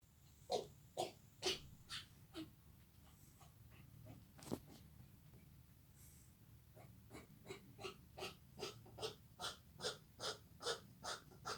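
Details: Yorkie (small dog) with repeated coughing fits of short, harsh, rhythmic bursts, about five, a pause, then about a dozen; the owner does not know the cause.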